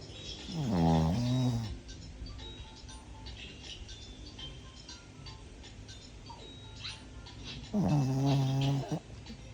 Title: Snoring Dog! 😝😎😎😎 #dog #dogslife #dogsofyoutube #dogs #snoring